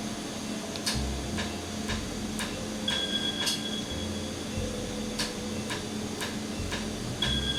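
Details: Laser tattoo removal after numbing, with the ink frosting as it is hit and cooling air applied. Red ink is left for a later session. Sharp ticking snaps come at irregular intervals over a steady hum, with occasional beeps.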